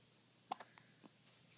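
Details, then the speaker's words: Baby a few days old with hiccups: a few brief, soft clicking catches in a quiet room, two close together then fainter ones. "got the hiccups baby"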